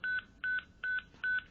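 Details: Defibrillator charging tone from a Zoll X Series monitor connected to a SimMan manikin's chest EKG points during a simulation training demonstration.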